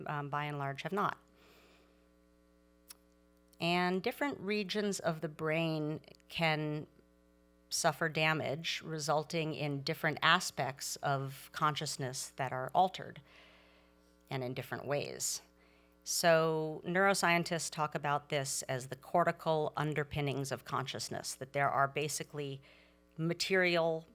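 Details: Adult speaker; normal speech.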